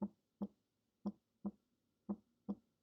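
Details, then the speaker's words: Normal S1 heart sound, regular paired lub-dub at about 57 beats per minute from a stethoscope recording; S1 is the first sound of each pair, from closure of the mitral and tricuspid valves at onset of ventricular systole. "so this is referred to as the S1 heart sound the S1 heart sound is going to it be the result of I believe blood flowing through the mitro and trius valves or sorry the closing the closing of the mitro and tricuspid valves"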